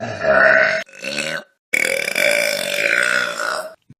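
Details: From a Vine burp compilation: three loud, drawn-out belches in a row, the last one long and rumbling; repeated burping.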